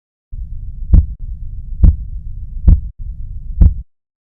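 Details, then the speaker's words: Normal first heart sound (S1), four regular low thumps at about 67 per minute, produced at the onset of left ventricular isovolumetric contraction as the atrioventricular (mitral) valve closes. "ruidos cardiacos al inicio de la contracción y so volumétrica los inmediatamente se cierra la válvula auriculoventricular y produce el primer ruido"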